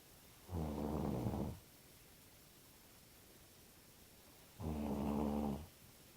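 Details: Snoring after a night of drinking too much beer: two low, rattling snores about four seconds apart over quiet room noise.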